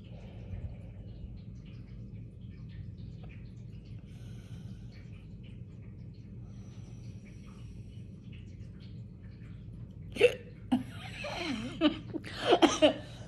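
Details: About five abrupt, short voiced gulps in quick succession during a self-recorded hiccup attack: hiccups.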